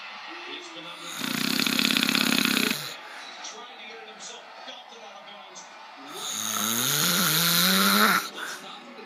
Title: My uncle Snoring :)